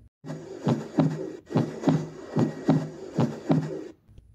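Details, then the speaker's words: Teaching audio of the normal second heart sound (S2, "dub", from aortic and pulmonic valve closure), played after S1 for comparison; regular paired heart sounds at about 73 beats a minute. "अब आप S2 dub sound को सुनिए। दोनों के बीच में difference देखना।"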